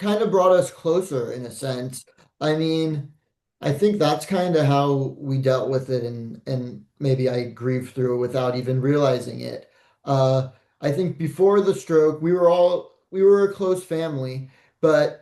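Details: Adult male speaker; normal speech.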